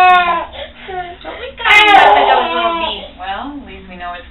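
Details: Infant with hearing loss at first cochlear implant activation, level slowly increased from low: rising and falling wails in a quiet room, a behavioural crying response to first sound.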